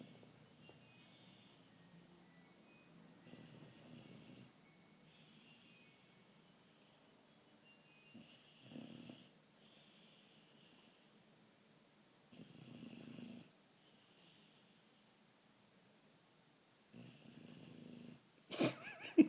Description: My dog Juggs the American Bulldog snoring.